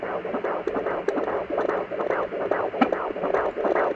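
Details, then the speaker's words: Fetal heartbeat at 17 weeks of pregnancy on a home Doppler, hard to find: rapid, regular whooshing pulses at about 145 beats a minute, very quiet. "it loses it I don't know this counter isn't very accurate but we can hear it there's a baby the camera here it's very quiet"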